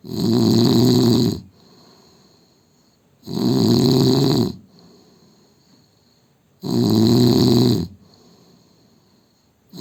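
Loud, harsh, vibrating snores on each breath in, about 19 breaths a minute, with softer whistling breaths out; loud snoring.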